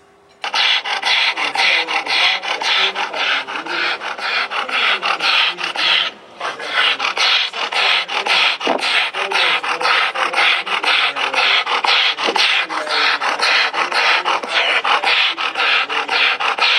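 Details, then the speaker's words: Dog with laryngeal paralysis (context: juvenile laryngeal paralysis and polyneuropathy in Black Russian Terriers): inspiratory stridor. "this, you know, as soon as he walks in the door, he's going to say, "Oh, that dog's got paralysis.""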